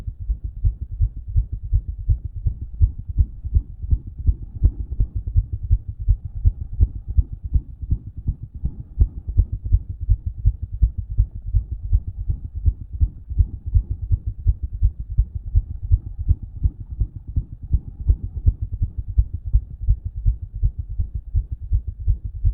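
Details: Self-recorded heart after exercise through a stethoscope: fast, loud regular beat with a murmur and a faint extra sound, possibly S4 (uncertain), not made louder by exercise.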